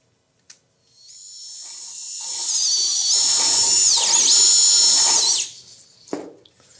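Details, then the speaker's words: High-pitched power drill whine rising and holding for seconds with pitch dips under load: intramedullary reaming of the tibial canal to one size above the Expert tibial nail diameter. "Una vez rimado el canal intramedular, procedemos al montaje y a la colocación del clavo."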